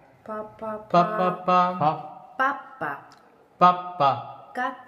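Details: Adult patient with complex velopharyngeal insufficiency treated non-surgically with a palatal obturator (palatal prosthesis): speech with the obturator in place.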